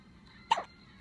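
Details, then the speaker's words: Newborn baby with repeated hiccups: a single brief, abrupt, high-pitched hiccup as an adult comments on another one. "Oh my. Another one? Oh. Hiccup. Oh. How many more do you have?"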